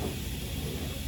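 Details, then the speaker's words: Steady rushing hiss of dental high-volume suction running, held at lingual then buccal side to catch high-speed handpiece spray during fillings. "You're gonna hold it right there at the lingual, and then right here on the buccal, okay?"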